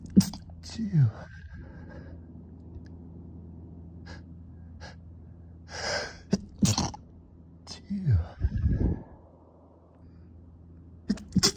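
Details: Male having a late-night sneezing fit while trying not to wake anyone: several quiet, stifled bursts, each preceded by a sharp inhaled gasp, in a quiet room; suppressed sneezes.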